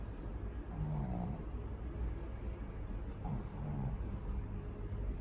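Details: Pug, a flat-faced small dog: two long, low, rumbling snores over a few seconds against steady background noise; loud snoring.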